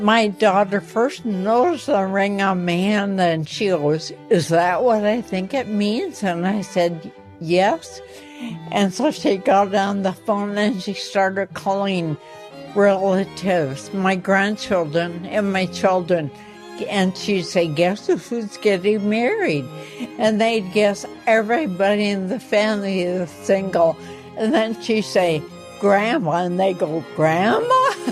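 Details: 84-year-old woman with ataxia, a progressive incurable condition affecting motor skills and voice; first signs in her 60s, speech problems only in the last couple of years; ataxic dysarthria.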